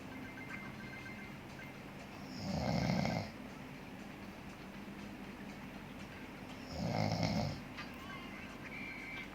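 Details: Two low rumbling snores about four seconds apart, roughly 14 breaths a minute, from a sleeping adult man (a dad), over faint mobile game sounds: ordinary snoring.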